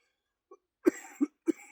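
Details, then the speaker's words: An adult with cystic fibrosis coughs up mucus from the upper lungs with audible wheezing during a chest workout of bodyweight dips; productive cough. "Yeah, the mucus is like in my upper lungs. I can hear it cuz I'm wheezing now. It's in my upper lungs."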